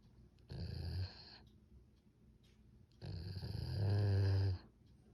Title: Dog Male and female snores @lolaizavlog